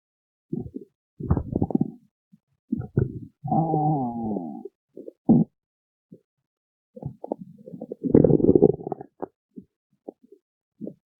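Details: Stomach growling: irregular gurgling and rumbling bursts, some with a squeaky, drawn-out tone, from gas and fluid moving through the gut.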